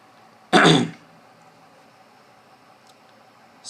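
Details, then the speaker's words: One brief, forceful cough or throat-clearing burst from an adult brass player (trumpet, cornet, flugelhorn) while talking about instruments, in a quiet room. "Actually, it's a little a little bit brighter. Sorry for my cough."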